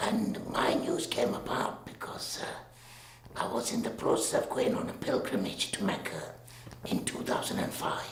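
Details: Man with a total laryngectomy in 2008 after laryngeal cancer recurred following radiotherapy, speaking through a voice valve he changes himself, with reduced voice; tracheoesophageal speech after total laryngectomy.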